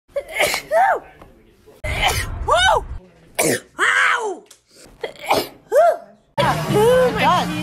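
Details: Several quick sneezes in a row, each a sharp gasp then a loud explosive burst, some with a rising voiced 'ah' first.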